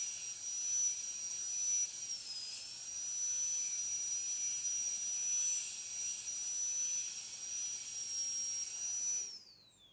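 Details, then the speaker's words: High-speed dental drill with a short tapered needle bur slicing through proximal contacts of tooth 46 for a metal-ceramic crown, leaving a thin enamel shell; steady high-pitched whine of cutting tooth, winding down at the end. "While doing this step, we have to be careful so as not to damage the surface of the adjacent teeth."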